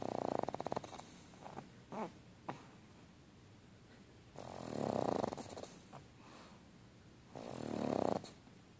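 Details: Pug snoring: loud rattling snores, each about a second long, separated by quieter breathing with soft snorts.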